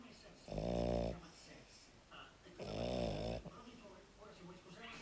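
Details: Sleeping dog snoring: two loud, buzzy snores about two seconds apart, with quieter breathing between them.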